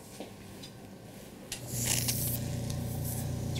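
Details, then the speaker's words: Suction during a myringotomy on an adult woman with middle-ear fluid and hearing loss for about a month: faint rustling, then a loud rushing, sucking roar as the tip clears fluid from the ear canal; ear suction noise. "so loud noise again that's just the sectioning"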